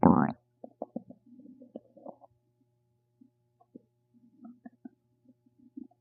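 Gurgling, bubbly rumbles and small pops in bursts over several seconds after a brief louder sound; normal stomach rumbling.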